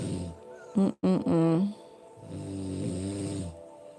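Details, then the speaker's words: Husband's loud snoring while asleep: loud, rough snores with a low buzzing tone, partly masked by background noise. "cuz my husband used to snore and he's loud as I don't know what"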